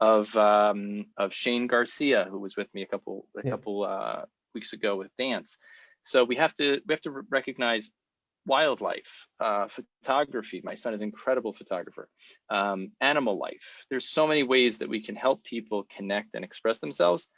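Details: Adult male speaker; normal conversational speech.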